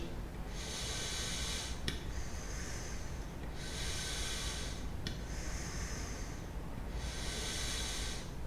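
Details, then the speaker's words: Demonstration of the tidal-breathing technique with a pressurized metered-dose inhaler and a large-volume spacer, suited to very young, elderly, debilitated or severely ill patients: sharp puffs of the inhaler firing, then repeated hissing tidal breaths, five normal breaths. "outra técnica nós vamos sacudir o pó na boca disparado e respira cinco vezes em valor corrente"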